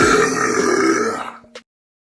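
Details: Burping: one long, loud, rumbling burp that trails off with a brief small sound at the end, in a recording of near-silence interrupted by occasional burps.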